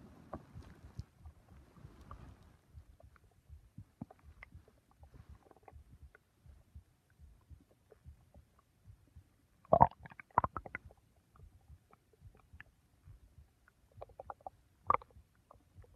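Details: Stomach bowel sounds: faint scattered gurgles with a few louder clicks and squelches, consistent with ordinary bowel sounds.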